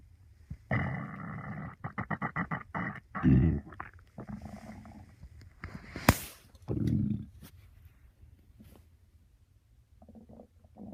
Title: 4 day weekend my stomach growling to early